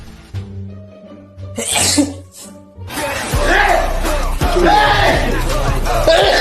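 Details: A short, sharp sneeze from a BTS member over background music, followed by loud music and crowd noise.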